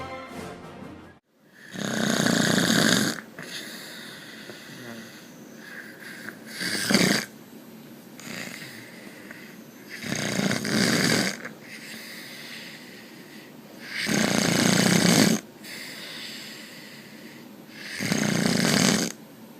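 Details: Loud rasping snores about every four seconds, roughly 14 a minute, with quieter breathing between; heavy snoring.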